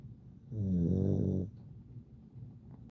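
One low, buzzing, fluttering breath lasting about a second, then quieter breathing: snoring from a small short-nosed dog.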